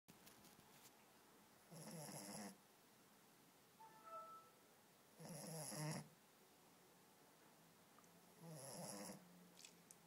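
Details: Sleeping 8-week-old female American Staffordshire Terrier puppy snoring: slow, rough bursts under a second each with quiet gaps, about 17 per minute.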